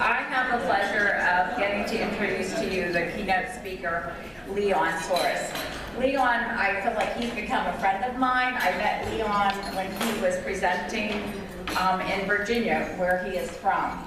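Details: Adult woman speaking; typical speech.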